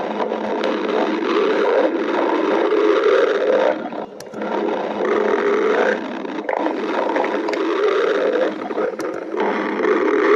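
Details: Stomach growling (borborygmi).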